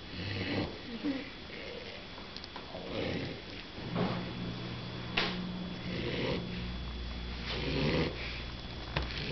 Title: Max the Mini Bulldog baby snoring